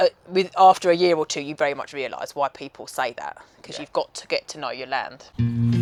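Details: Adult speaker; typical speech.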